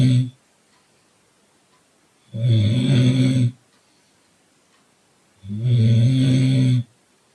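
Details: Sleeper in a car: loud, low, rattling snores about one second each with quiet pauses between; regular snoring.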